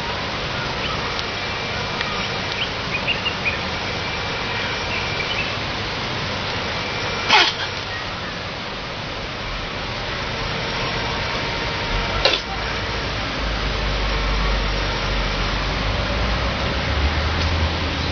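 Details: A chimpanzee, among the first sick in a flu outbreak and now recovered, gives two sharp, explosive sneezes or coughs over steady outdoor background noise.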